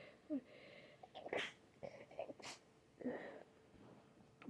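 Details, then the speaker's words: A sharp, explosive sneeze with a quick breath in before it and faint sniffling around it, from a sick person with an itchy, snotty, runny nose and ears needing to pop; sneeze. "So itchy right now. I'm gonna sneeze again. Damn it. Oh, I'm making a mess."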